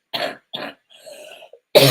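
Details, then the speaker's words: Two quick dry coughs, a rumbling throat clear, then another cut-off cough from an adult whose cough comes on when starting to talk and then eases off. "I apologize for coughing. It sounds like I sound like a truck driver, but anyways, it's just when I start talking, it happens like that. And then it eventually goes away."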